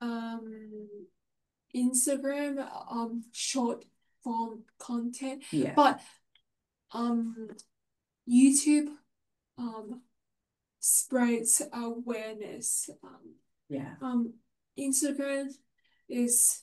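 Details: Aphasia in a woman following a stroke two years earlier; she describes it as a language problem that makes talking, reading, understanding and writing hard.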